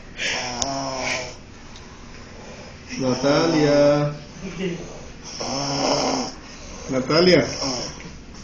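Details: Sleeping girl or woman snoring before she is woken: loud rattling snores on inhalation, about four in eight seconds, with quieter breathing between; snoring.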